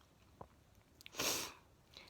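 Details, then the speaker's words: Sneezing just before bed on a hot night in a warm bedroom; owner unsure whether pollen allergy, as also sneezes in winter. Soft, hissing sneeze in a quiet room, preceded by small mouth clicks. "Just before bed again. I was sneezing. I hate it."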